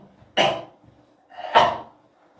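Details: Two quick, sharp sneezes about a second apart from an adult male K-pop singer during a livestream, described as allergy-related; sneeze.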